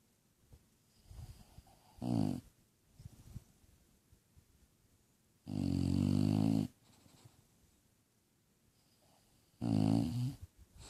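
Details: Sleeping bulldog: three loud, rattling snores a few seconds apart over quiet room noise, with soft snuffling between; dog snoring.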